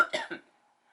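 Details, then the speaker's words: Dry cough in an adult sick for four days: three short, sharp hacking coughs in quick succession without a rattle. "I've had this dry cough that was wet and now it actually is dry."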